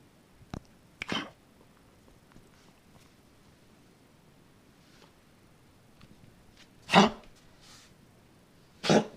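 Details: A dog gives several short, harsh, dry bursts separated by quiet pauses: a hacking cough.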